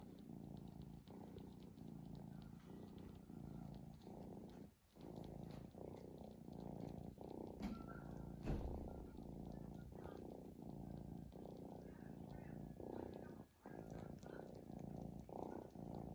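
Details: Five minutes of a sleeping cat snoring: a steady, rhythmic low rumble continuing through both breathing in and out; cat snoring.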